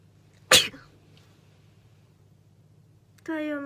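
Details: Young Japanese woman sneezing: one sharp, explosive sneeze, then a short voiced sound after a pause.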